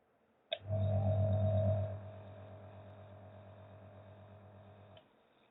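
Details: Nulife Handyneb aerosol therapy compressor nebulizer in a home demonstration: a click, then a steady low mechanical hum with a faint rattling buzz that settles quieter and stops after about four seconds.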